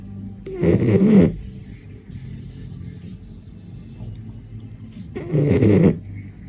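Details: Snoring in a dachshund: loud sleeping snores.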